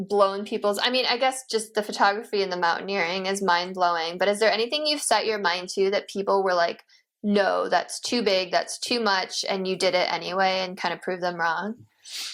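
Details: Adult speaker; normal speech.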